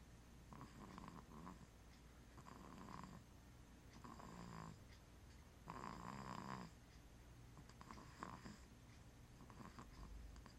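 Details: Four-month-old snoring: soft, rhythmic snuffling snores on each breath, about six in ten seconds, quiet room.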